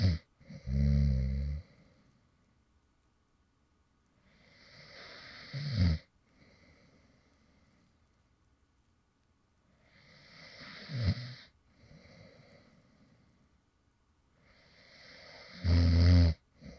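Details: Light snoring from an adult man who fell asleep while recording (ASMR creator): three soft, low rumbling snores on breathing in, about five seconds apart, roughly twelve breaths a minute, quiet pauses between; real sleep snoring.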